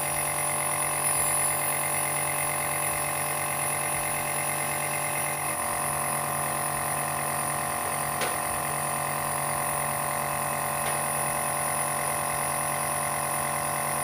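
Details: Omron compressor nebulizer running at home, used by an adult with asthma and allergies: a steady mechanical hum with a fast rattling buzz throughout and faint room sounds.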